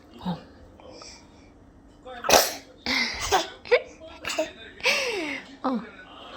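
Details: A 31-week-old infant sneezing while eating banana: a small, sudden burst of air, then soft babbling; an ordinary baby sneeze.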